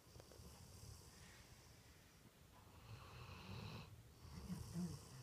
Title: Snoring dog